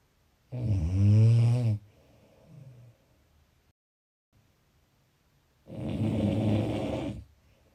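Two loud, low, rattling snores on inhalation separated by quiet pauses; typical snoring.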